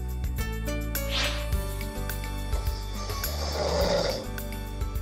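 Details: Adult son with severe snoring since before military service, under sleep study for suspected sleep apnea: two rough, noisy snoring breaths over background music; breathing pauses with sleep apnea noted in testing.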